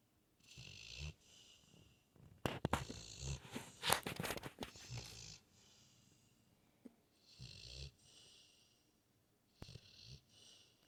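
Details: Sleeping rescued foster pit bull with wet snout, soft irregular snorting breaths, nasal snuffling and a few louder bursts; snoring.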